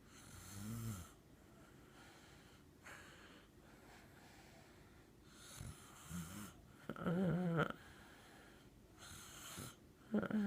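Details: Snoring from a little sister during sleep: soft rasping snores on the in-breath with quiet pauses between and one louder snorting breath near the end; she also talks.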